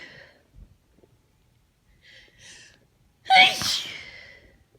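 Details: Tired allergy sneezing despite antihistamines, worst allergies in a long time: a few soft sniffs and breaths, then one loud, explosive sneeze with a trailing exhale.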